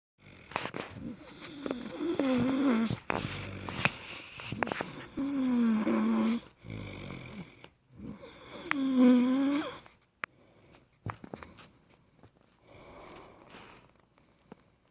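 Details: Loud, irregular snores with whistling, wheezy tones and snorts, fading to quieter noisy breathing; snoring.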